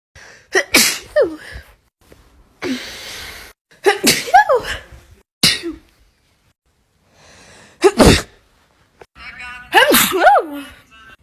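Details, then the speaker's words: Several separate sneezes, each with a sharp inward gasp and an explosive burst, some followed by short voiced sounds, from a woman with bad allergies: repeated allergic sneezing. "This is a compilation of me sneezing."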